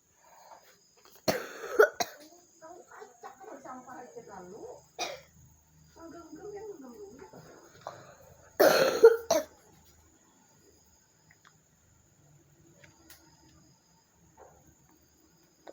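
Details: Two loud, harsh cough bursts several seconds apart, with quieter voices and room noise between them: coughing in a smoke-filled house.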